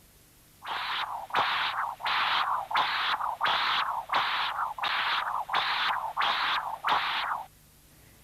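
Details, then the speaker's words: Pulsed-wave Doppler of mitral inflow in mitral stenosis, apical four-chamber view, sample volume in the left ventricle near the mitral orifice: rhythmic whooshing bursts about 86/min, slow taper, peak E 2.4 m/s, post-atrial-kick 2.5 m/s, prolonged deceleration time. "the peak early velocity is 2.4 meters per second and the velocity following the atrial kick is 2.5 meters per second note that the deceleration time is prolonged"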